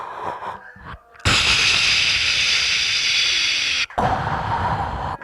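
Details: Vocal imitation of CPAP mask airflow by a comedian describing his own sleep apnea, where his soft palate closes the airway while sleeping on his back.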